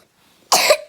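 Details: A single short, harsh cough from a child, heard amid play and music.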